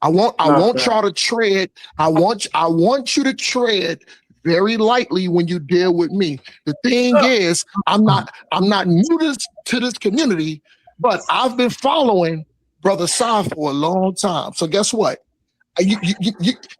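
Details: Stuttering with word and phrase repetitions in a man who refers to his own stutter while speaking in a live debate.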